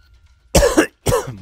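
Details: Gamer who is sick with a cold or illness that has lasted a while: two harsh cough bursts separated by a short pause; a persistent cough during illness.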